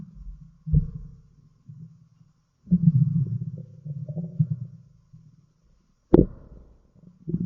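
Low, gurgling rumbles come in several bursts with quiet gaps between them. These are ordinary stomach growling sounds (borborygmi).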